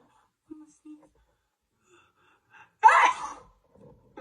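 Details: During a long sneezing fit on camera lasting 2 minutes 27 seconds, two short catching in-breaths come before one sharp explosive sneeze in a quiet room.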